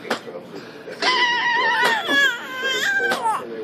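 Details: 3-month-old boy vocalizing with his mother: high, tonal whines with rising and falling cry-like pitch, separated by short catches of breath; faint room noise; infant cry.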